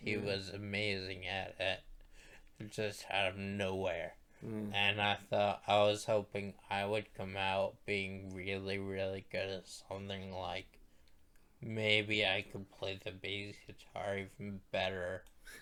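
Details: Male stroke survivor who attributes his voice to the stroke and mentions past brain surgery for a brain tumor; dysarthria after stroke.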